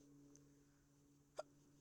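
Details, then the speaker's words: Person with ongoing hiccups before trying an ice-cold-water, earlobe-hold and breath-hold remedy: a single short, sharp hiccup against quiet room hum. "so here guys um today i'm going to show you how to get rid of the hiccups yeah as you can see i have them now"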